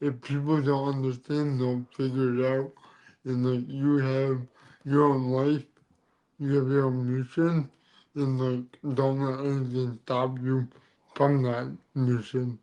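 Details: Adult man with dysarthria from cerebral palsy present since birth; he says CP affects his neck muscles, deepening his voice and making talking hard.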